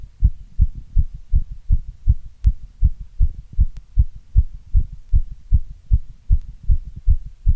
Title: Strong Heartbeat sound❣️